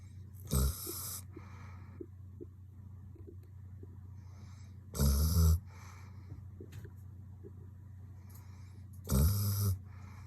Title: Do u hear 👂 how snoring Dog? The best Video Funniest Beauty Animal’s 2023